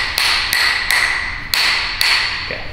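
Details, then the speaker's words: Five sharp, crisp taps from a rubber-tipped chiropractic adjusting mallet striking during a back adjustment of a 6'8", 420-pound strongman. "is that is that the one that has the rubber on it yeah okay good we got the rubber on for extra production"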